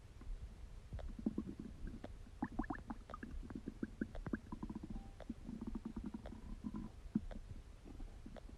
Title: Stomach Digesting Sound | My Stomach Makes Noises